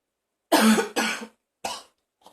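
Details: Person in a bathroom with harsh coughing and gagging, feeling like vomiting.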